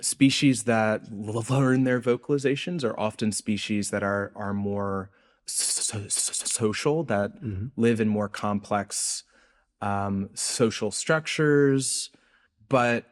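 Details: Adult researcher who reports a speech impediment audible throughout the interview; disfluent, stuttering-like speech.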